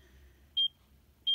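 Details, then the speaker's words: Pulse monitor beeps from a Checkme Pro portable ECG device held in the left palm with thumb and index finger during a 30-second ECG check; pulse rate 80–87, heart rate 85, regular ECG rhythm reported. "so it's checking for the ecg right now it's has a 30 second calibration it's going to check for 30 seconds"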